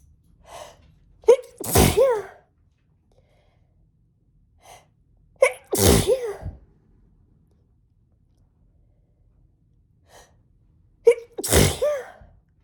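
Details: Intense, itchy sneezing fit, apparently in a female: three forceful sneezes in a row, each preceded by sharp catching inhalations, with a burning face, buzzing nose, and very watery eyes and nose.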